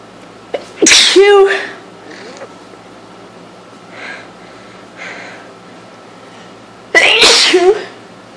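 Two loud sneezes a few seconds apart, each with a sharp intake and explosive burst, with faint sounds between; sneezing fits from a cold.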